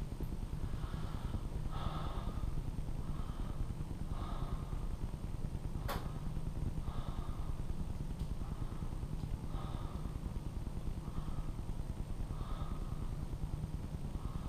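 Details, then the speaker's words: Chest auscultation during a teaching pulmonary exam, patient taking deep breaths with mouth open: soft, regular breath sounds without added noises, normal deep breathing. "I'm going to go to oscilation and I'm just going to have you take deep breaths with your mouth"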